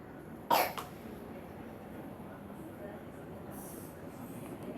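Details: Person down with flu and cough at a doctor visit, December 2016; coughing.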